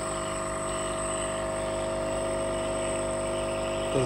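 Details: Steady buzzing motor hum with a faint high whine from a nebulizer compressor with a drive kit, giving albuterol to a child sick with flu; nebulizer compressor running.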